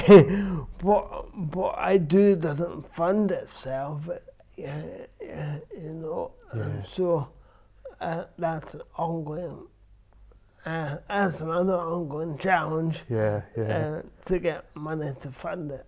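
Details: Adult man with dysarthria from cerebral palsy present since birth, which he says affects his verbal communication, balance and coordination; real speech; finding: dysarthria (cerebral palsy).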